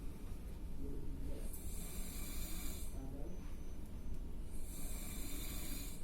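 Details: Office worker asleep in a workplace room, recorded by a coworker: loud, rough snoring with two drawn-out breath cycles, audible across the room, plus room noise.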